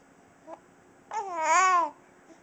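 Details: Edgar, a 6½-week-old baby, with hiccups while being talked to; hiccups.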